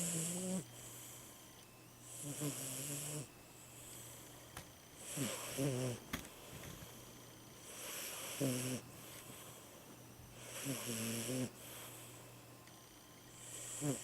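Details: Snoring from a sleeping 17-year-old Siamese cat: each breath out carries a squeaky, whistling rattle, followed by a hissing breath in, about six breaths in fourteen seconds.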